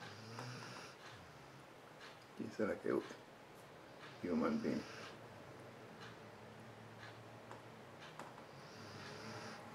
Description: While Governor was making a speech on TV, two Dogs were snoring like crazy....Check this out!